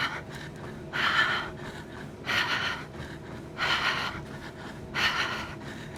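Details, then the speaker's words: Loud, forceful mouth breaths about 45 a minute while jogging on a treadmill with a capnometer; deliberate demonstration of hyperventilation, CO2 dropping below 30, causing hypocapnia. "so I'm doing this for you as a demonstration I'm going to be audible with my hyperventilation so that you can hear so that you can mask correlate that hyperventilation with what's happening with the carbon dioxide which is no bueno okay here we go"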